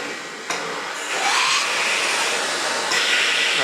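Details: Steady airy blowing hiss with shifts in pitch and force between phases: a Philips Respironics Cough Assist E70 mechanical insufflation-exsufflation device cycling through insufflation and exsufflation during a demonstration of its settings.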